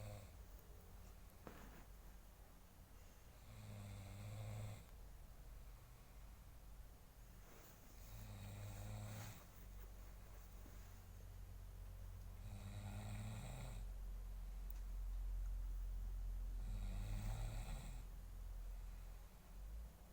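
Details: Snoring father, with a young child trying to wake him: low, rattling snores every few seconds over steady room hum.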